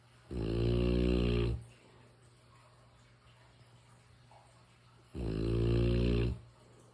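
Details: Snoring from a sleeping mastiff dog: two long, deep, rumbling snores several seconds apart, each a loud buzzing breath with quiet between.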